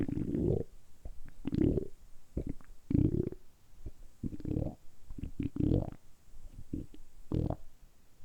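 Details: Repeated gurgling, rumbling bursts from a man's belly, deliberately produced for about 10 minutes of ASMR; ordinary stomach rumbling, borborygmi.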